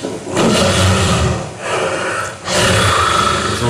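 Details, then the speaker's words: Recording of a patient's snoring shown by a neurologist-somnologist, linked to nighttime oxygen deprivation: loud, harsh, roaring snores in two long bursts with a brief quieter gap, obstructive sleep apnoea. "Но дело в том, что самое опасное, если мы посчитаем, сколько человек находился без кислорода в ночное время, если мы суммируем все, то, конечно, мы увидим огромную цифру. Это вот храп."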